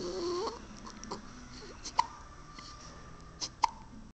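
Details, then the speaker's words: Six-day-old baby girl with hiccups just after feeding, which happens every feed: a few short, sharp hiccups spaced irregularly over quiet room noise. "she's a very happy baby hiccups every time we feed her needless to say she was just fed"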